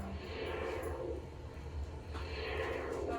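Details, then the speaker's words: Female green anaconda (about 15 feet) during an annual veterinary health exam, ultrasound probe: two slow, swishing pulse sounds of her heartbeat on Doppler ultrasound. "That was her heartbeat. The ultrasound can help us detect any changes in the snake's organs."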